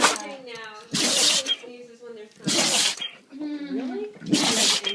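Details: Dog sneezing in a run it can't stop once started: three sharp, hissing sneezes with high voices talking between them.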